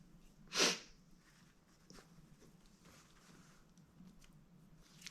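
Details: Sneeze induced by chhinkni: one short, sharp hissing burst over quiet room noise, a single small sneeze.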